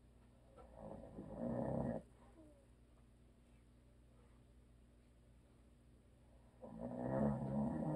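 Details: A husband's habitual snoring: two long, rattling snores during sleep with a quiet gap between them.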